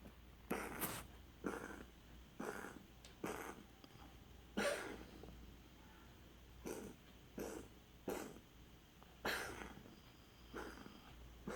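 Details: Pet cat coughing, recorded 13 August 2017: about ten short, hoarse, forceful bursts, evenly spaced about one a second, over a low steady hum; repeated coughing.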